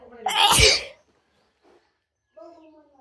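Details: Person with a wide nose sneezing: a brief inhaled rise into one sharp, forceful sneeze, then quiet and a short voiced sound afterward.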